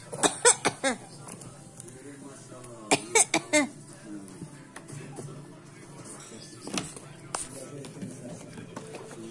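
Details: Imitated cough from a child: two quick runs of three or four short coughs, then quieter voices and background sound.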